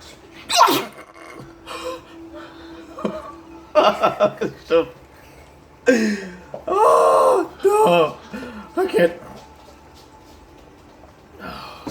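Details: A person sneezing with eyes open: a sharp, explosive sneeze followed by voiced exclamations and drawn-out sounds in a small room.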